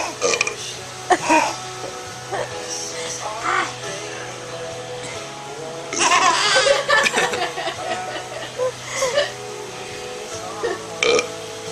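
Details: Loud, drawn-out adult burp from a father, over background music, talking and laughter; burping.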